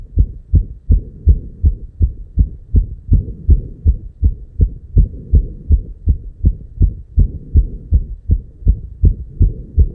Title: Heartbeat 290 BPM -- with Real Heart Sound